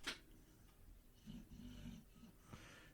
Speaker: if you listen closely you might just hear my dog snoring in the background